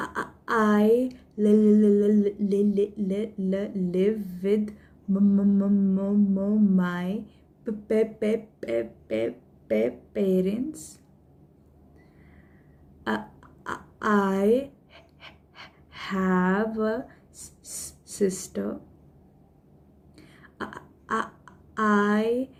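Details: Adult woman who stammers, introducing herself while deliberately stammering, a technique learned at the Indian Stammering Association; voluntary stuttering.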